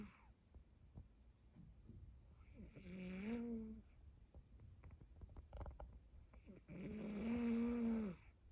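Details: Heavy snoring from a sleeping male cat: two loud, low, droning snores about four seconds apart with soft rustling between breaths; the owner is worried about him, and he has been seen by a veterinarian.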